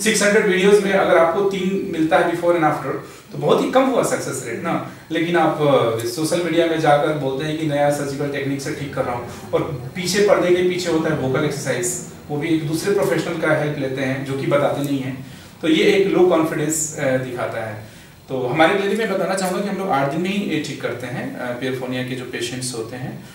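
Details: Adult male speaker; ordinary speech.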